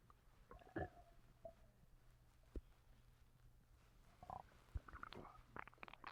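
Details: Stomach rumbling (borborygmi) recorded while the person has been sick and vomiting: scattered short gurgles, squeaks and pops against a low hum.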